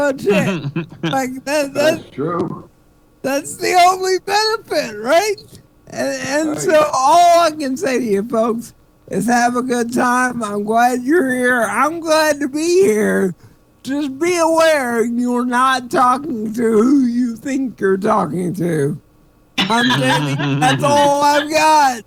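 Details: Adult man with self-reported cerebral palsy; dysarthria (cerebral palsy).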